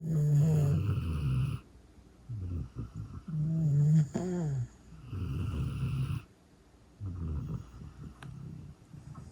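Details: Loud, low, rattling snores every few seconds, long rumbling breaths with short snorting pauses; hound dog napping after a hike, snoring alongside a snoring man.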